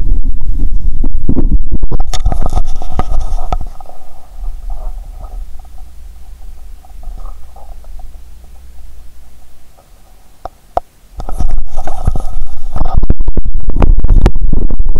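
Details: Stethoscope on the abdomen after Mentos and cola, belly full and painful: loud low rumbling and gurgling, easing to quieter gurgles before rising again; active bowel sounds.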